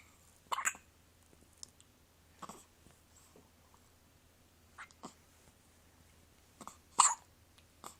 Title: Hiccups 3 days old